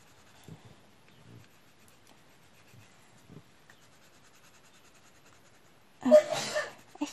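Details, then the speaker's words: Soft pencil rustling in a quiet room during colouring, then one sudden, very loud sneeze from an adult man nearby near the end. "Désolée si vous l'avez entendu. Il a éternué le monsieur. Ah lui, quand il éternue, il réveillerait les morts dans un cimetière."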